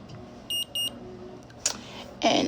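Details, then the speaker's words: Omnipod insulin pump pod for a child with type 1 diabetes, filled with insulin and activated during a routine 3-day pod change; two short high beeps signal activation, then handling sounds. "Okay. And then we're going to put that in till we hear the two beeps."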